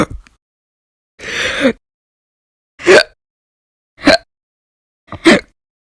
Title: 3/1/20 to 3/31/20, Violent, Bad Very Loud, Silent, Minute, Second Hiccups Audio Only